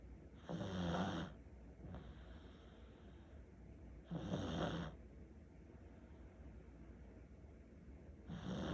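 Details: Pomeranian dog snoring heavily: loud, rough snores with noisy breaths every few seconds, about 16 a minute.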